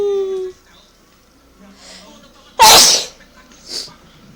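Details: Mother's single loud, explosive sneeze, which the baby is afraid of, after brief soft voices, with a fainter sneeze-like burst after it.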